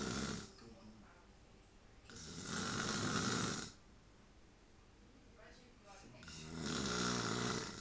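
Two long, loud, rough breaths with rattling flutter, separated by quiet pauses; heavy snoring.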